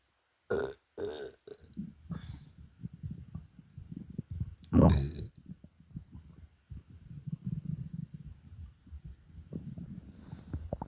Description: But the burps were so deep and relieving 🤤.